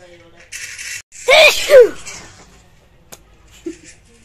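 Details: Uncovered messy sneeze: a sharp indrawn breath followed by one explosive, wet sneeze in a quiet room; sneezing.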